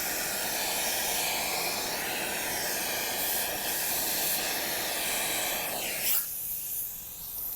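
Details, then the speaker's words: Dental high-volume suction removing water after a T-shaped cavity preparation on an ivory lab practice tooth: steady loud hissing and sucking that cuts off near the end. "make sure that it's all correct use the high volume suction to remove all the water"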